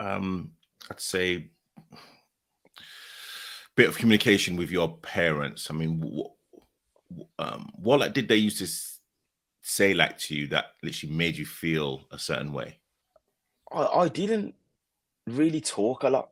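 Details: Adult male speakers in conversation; conversational speech.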